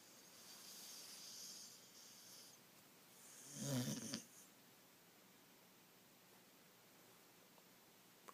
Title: Moose snoring